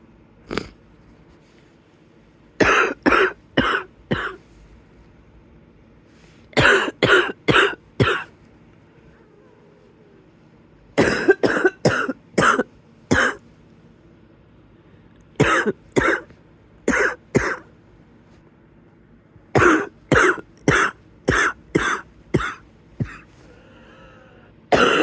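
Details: Wheezy cough in bed at the onset of the illness: repeated bouts of four to six harsh coughs, with a faintly wheezy, tight quality between them.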